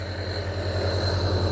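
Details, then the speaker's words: Compressor nebulizer machine running with water, run until the water is used up, demonstrated on a young man with a slight cough: a steady low motor hum with a buzzing pulse as liquid is turned into mist. "تو یہ نیبولائزیشن ہو رہی ہے جی، یہاں بھی دکھائیں، 1 minute یہاں چھوڑیں ذرا. یہ پانی ہے، جب تک پانی ختم نہ ہو ہم یہ کرتے رہیں گے."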